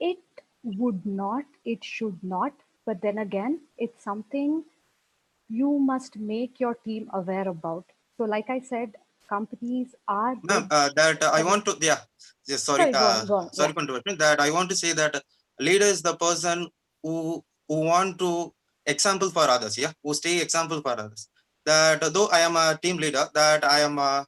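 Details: Adult working professional man who says he stammers, speaking spontaneously at a stammering association conference session; finding: stuttering.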